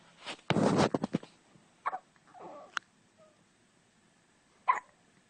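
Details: A few short, abrupt catches of breath with quiet gaps between them; hiccups.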